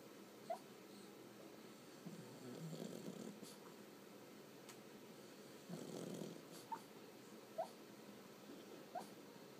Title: George the Pug Barking in his Sleep while Snoring